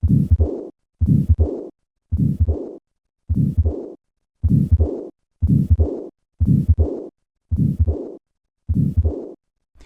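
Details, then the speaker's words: Repaired tetralogy of Fallot, residual pulmonary stenosis with regurgitation: regular heartbeat about 60 a minute, three normal beats, then a harsh systolic ejection murmur and a short diastolic regurgitation murmur, widely split second heart sound. "listen to the combined murmurs of pulmonary stenosis and regurgitation i will start with three normal beats and then add the systolic murmur and then the diastolic murmur notice the widely split second heart sound"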